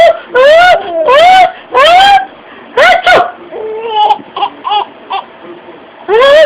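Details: 4-month-old baby: high-pitched bursts of rising and falling wails with whimpers between, shifting between crying and laughter-like sounds; infant cry.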